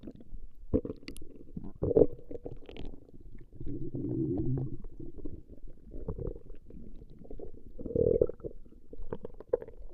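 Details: Woman's stomach growling (borborygmi), recorded for about 20 minutes: low gurgling rumbles and bubbling squeaks that come and go irregularly.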